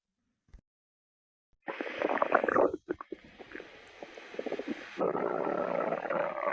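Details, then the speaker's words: Stomach growling: after brief silence, a low rumbling, gurgling growl rises and falls, then a steadier churning rumble; ordinary stomach growling (borborygmi). "Wait, is that your tummy I hear? Yes, it is. Wanna feel?"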